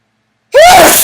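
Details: Silence, then one loud, abrupt voiced sneeze from a person deliberately sneezing onto a mirror.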